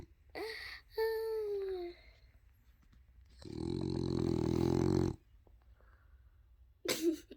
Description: This is my Frenchie, Louie. His snoring can get loud and sounds like an old man haha